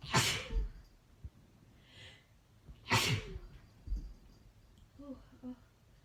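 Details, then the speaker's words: Two loud, explosive sneezes a few seconds apart, with short gasps and soft exclamations between them, described as wet and powerful; a woman's sneezing fit deliberately induced with Chhinkni nasal snuff. "Ooh, it's messy. It's really messy. Oh no. Ooh. Ooh, see, that's the thing. Ooh, They're really, ooh, really wet and powerful."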